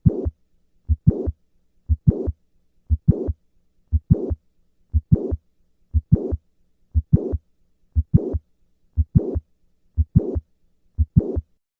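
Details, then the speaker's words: Recorded mitral valve prolapse patient: regular heartbeat about 59/min with a midsystolic click and late systolic murmur; the click-murmur complex moves later with squatting. "In summary, mitro valve prolapse is the most common valvular disease in the United states the click murmur complex moves later with a squat maneuver."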